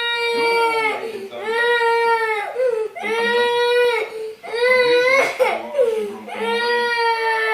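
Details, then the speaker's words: Young child crying in repeated loud wails with brief catches of breath, complaining of an itchy back without pain; adult voices faintly in background. "so how come you have to throw yourself down like that how come you have to cry"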